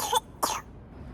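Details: 23-month-old toddler with a cough and pneumonia symptoms, coughing while being given medicine: two short, sharp coughs with quiet room noise.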